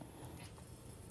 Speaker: you hear my stomach growling? That's what that was.